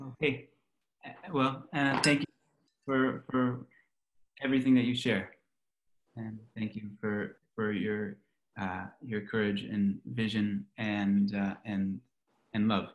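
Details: Adult male speaker; ordinary speech.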